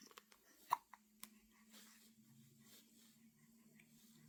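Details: A baby boy's hiccups in 2024: a few short sharp clicking gulps in a quiet room, the brief catches of infant hiccups.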